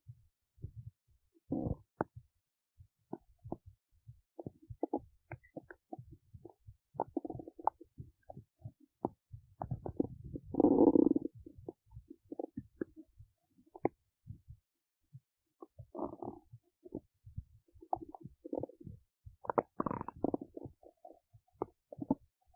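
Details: Active bowel sounds from a large belly while digesting oats: frequent soft clicks, pops and gurgles with occasional longer rumbles, normal during digestion.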